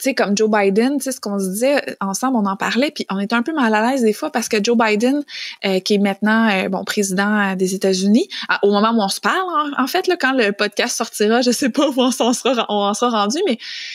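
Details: Adult woman speaking French; normal fluent speech.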